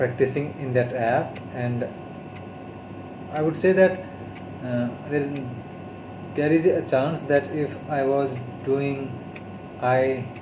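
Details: Adult male who stammers, on day 32 of speech therapy, speaking Hindi; stuttering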